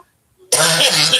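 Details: Adult woman just after an esophageal tube procedure: a single harsh, dry cough running straight into a rough throat clear, with no wet rattle; dry cough attributed to acid reflux.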